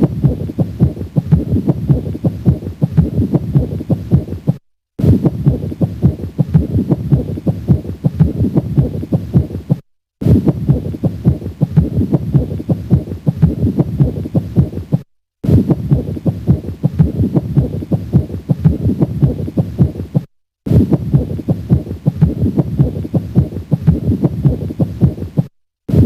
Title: PERICARDIAL FRICTION RUB - APEX | HEART SOUNDS | AUSCULTATION | MURMUR